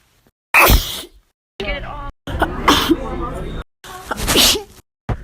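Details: Woman sneezing: two loud, explosive sneezes, each with a sharp onset and breathy tail, separated by brief vocal sounds.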